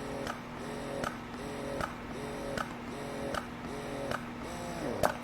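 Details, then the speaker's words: Momcozy S12 wearable electric breast pump in massage mode with long pull: quiet, steady mechanical cycling, soft click and rising hum each stroke, nearly 80 a minute; gentle, not aggressive. "i have been able to handle the loud the long pull on both pumps it is not aggressive in any way for me so it goes and does that and then it's the long pull and i'll let you hear it"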